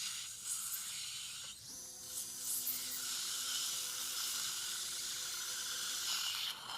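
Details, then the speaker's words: Surgical straight handpiece with a 1–1.2 mm drill cutting dense cortical bone of a severely resorbed lower right posterior mandible at a failed implant site, during vertical ridge augmentation surgery: high-pitched whirring with steady tone and spray hiss. "okay so here's my straight hand piece about a 1 mm drill 1.2 very cortical surface so careful here"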